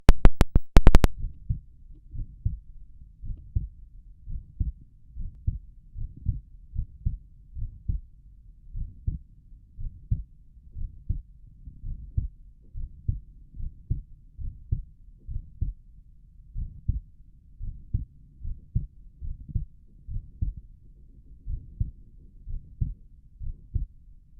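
Steady, low heartbeat thumps at roughly 88 beats a minute, heard through a stethoscope with the person lying on the left side.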